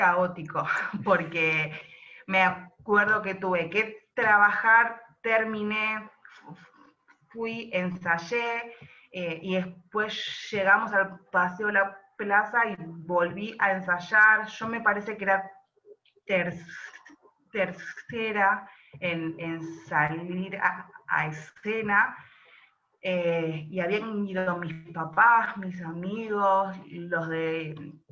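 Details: Adult woman who stutters and performs stand-up comedy: stuttering.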